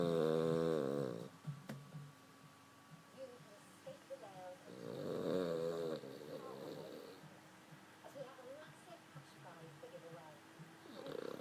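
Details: Pet dog snoring, said to get louder than this: two long, low, buzzing snores about four seconds apart with soft whistly breath noises between, quiet room; snoring.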